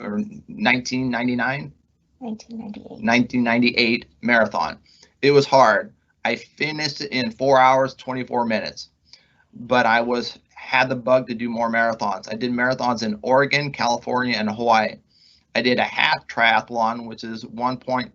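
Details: Adult male pharmacist, months into recovery from substantial left-hemisphere ischemic stroke caused by internal carotid dissection, left with trouble finding and saying words; aphasia after stroke.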